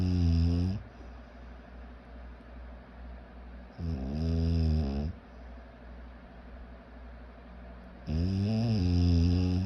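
Loud, low rattling snores with each breath in, about every four seconds, with quiet breathing between.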